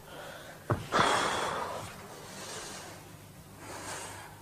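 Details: 16-year-old male with severe Tourette syndrome producing involuntary vocal tics, which include shouted swear words, barks and yelps; finding: vocal tic.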